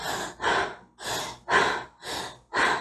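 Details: Asthma crisis demonstration: six loud, effortful, rough gasping breaths in and out in under three seconds, with accessory muscle use and a sunken hollow at the neck and between the ribs; labored breathing.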